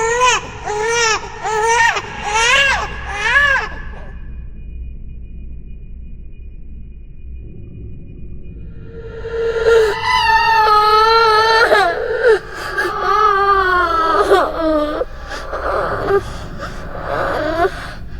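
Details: Simulated ghost baby cry, a designed horror sound effect rather than a real infant: rhythmic wailing with rising and falling pitch, a pause, then louder sustained crying.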